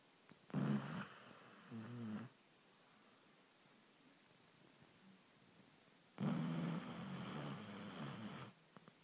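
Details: Two long, rough, rattling snores with a quiet pause between from a dog asleep on the sofa in the evening after a busy day, recorded on an iPhone.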